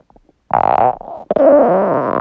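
Two short low gurgling growls from the belly; stomach growling, a normal sound of an empty stomach.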